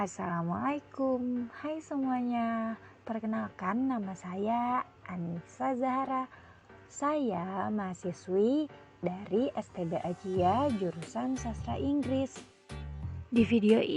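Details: Adult woman speaking Indonesian; normal speech.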